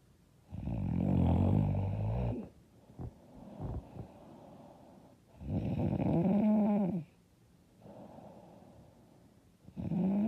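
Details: Loud, rattling snores on each in-breath with quieter out-breaths, about three breaths in ten seconds; self-described very loud, hard snoring.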